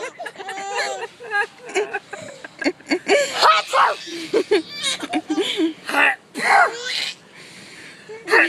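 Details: Sneezing outdoors, with a young boy laughing at the sneezes: sneeze.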